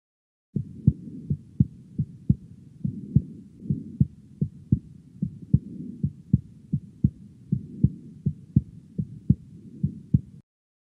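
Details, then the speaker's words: Teaching recording of a third heart sound (S3) on a Thinklabs digital stethoscope: regular low-pitched heartbeat with a soft extra sound after the second sound, like lub-d-dub. "this often sounds a bit like lub d dub lub d dub so let's have a listen again to what that sounds like and see whether you can distinguish a third heart sound after the second heart sound"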